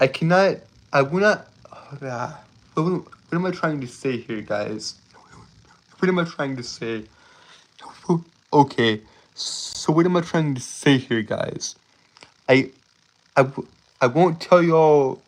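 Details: Male streamer with a self-reported speech impediment that makes him stutter, trip over his words and breathe irregularly; stuttering.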